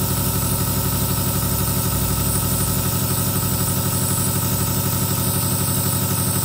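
Steady low mechanical hum with rapid regular pulsing, about four beats a second, from a nebulizer compressor running continuously.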